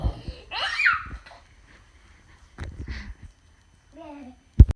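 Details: Child playing with a hat: high, squealing build-up and short burst, then giggling, with a final sharp sneeze-like burst; sneezing giggles.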